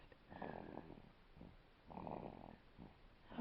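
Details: One-month-old baby boy snoring while sound asleep after earlier screaming: soft, rattly snoring breaths roughly every 1.5 seconds, fairly quiet.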